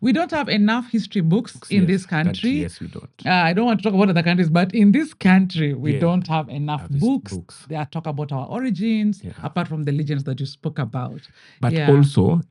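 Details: Adult male speaker; normal speech.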